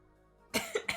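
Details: Two quick, harsh cough bursts from an adult livestreamer who is sick with COVID, heard after a quiet moment with soft music; cough.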